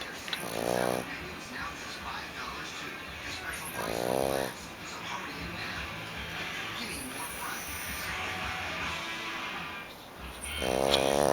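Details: Three buzzy, vibrating snores from a sleeping dog, a few seconds apart, over steady room noise; dog snoring.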